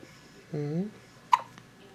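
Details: Newborn girl, 1–2 days old, her first hiccups outside the womb: a short infant vocal sound, then one sharp hiccup catch in a quiet room. Newborn hiccups.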